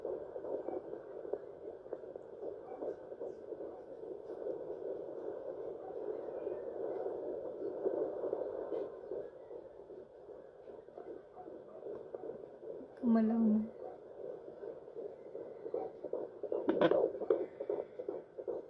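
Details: Fetal heartbeat at 14 weeks 5 days of pregnancy on a handheld Doppler: fast whooshing beats about 150 a minute, with static and probe noise.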